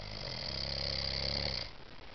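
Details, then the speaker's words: Snoring in a sleeping adult man, recorded at home by his wife: one long, rough, rattling breath lasting nearly two seconds, then quiet. "Because you're sucking the life out of me."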